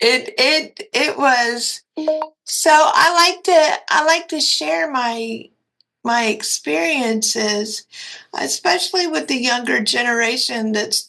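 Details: Dysarthria in a 56-year-old woman with cerebral palsy and quadriplegia.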